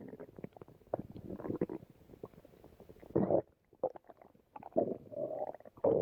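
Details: Stomach growling in a person on a boat watching the sea, as a partner rubs the tummy: irregular gurgling and rumbling bursts of varying loudness over several seconds.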